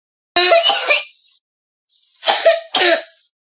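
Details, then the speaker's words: Three harsh coughs with a whistling, musical edge, described as a cough from airway irritation or chest allergy: an allergic cough with wheeze. "الكحه ممكن تكون بسبب تهيج او حساسيه في الصدر"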